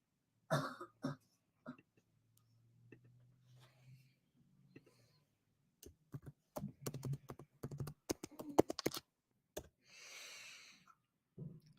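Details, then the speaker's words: Cough heard in the background from a person with a lingering horrible cough that is finally starting to break up. "he's been been having that horrible cough there you go you can hear him in the background it's it's finally starting to break up this cough that he's been having"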